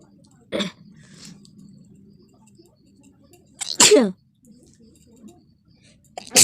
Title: Nose sneezing and blowing Lifestyle #funny video #bengali